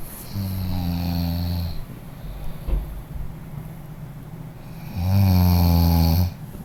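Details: A person snoring: two loud, low, rattling snores, each about 1.5 seconds long and roughly 5 seconds apart, with quiet breathing between them.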